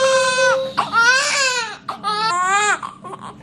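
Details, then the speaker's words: Newborn baby girl (second baby) crying just after a fast, unmedicated natural delivery: loud, clear, strong cries in several bursts with short breaths between, a vigorous cry. "so i like to come to the side and the baby's out crying already and i'm like wow"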